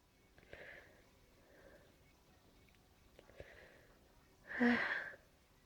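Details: Tail end of an allergy sneezing fit at night: soft sniffing breaths, then one forceful sneeze burst; sneezing.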